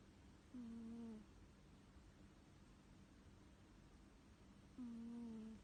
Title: CUTE CAT that SNORES 🤔